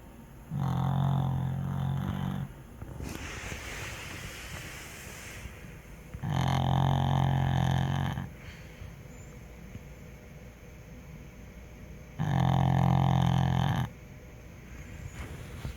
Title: Snoring Pug